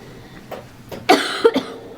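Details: A short run of adult coughs, two loud harsh bursts after fainter ones, in a quiet room during a night investigation; the cougher apologizes for coughing: cough.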